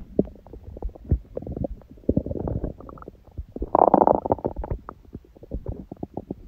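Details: Adult on a raw-food diet, recorded after eating (first meal at 16:00 after fasting on water since 19:00 the previous day, then overeating) and after ab exercises: frequent belly gurgles, pops and bubbling rumbles; active bowel sounds.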